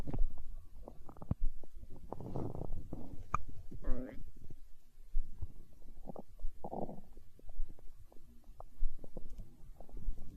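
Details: Hunger-related stomach growling (borborygmi): low, irregular gurgles and rumbles with bubbling pops throughout.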